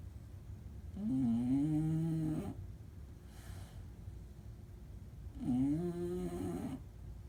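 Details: Prolonged snoring: two long, loud, buzzing snores with droning pitch on the in-breath, separated by a quiet out-breath, in a small room.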